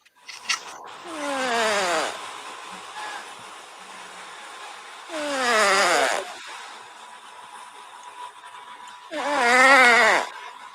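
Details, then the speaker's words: Pet cat snoring. "you hear that let's move snoring that's that cat story"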